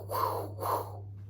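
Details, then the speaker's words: Two breathy whooshing sounds made by voice, imitating swirling blood flow through the arteries in a heart murmur, explained as caused by a small tear in the endocardium; vocal imitation, not a real recording. "so you go to a physical and they listen at the blood going through your arteries it should sound like this it should sound like a river as the blood's going through your arteries but if it's swirling it sounds like"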